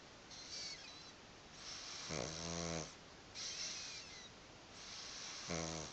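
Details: A pug (flat-faced dog) snoring in sleep: alternating hissy breaths and low rumbling snores, about 20 a minute.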